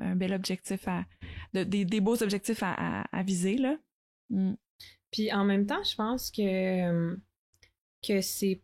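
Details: Stuttering in an adult woman who stutters, speaking French.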